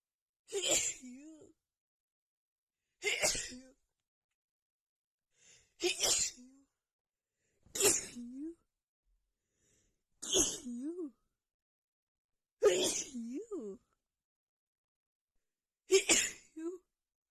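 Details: Female after visiting a friend's house with cats: seven forceful, powerful sneezes in quick succession after holding back, about one every two to three seconds, each with a short voiced catch; sneezing fit.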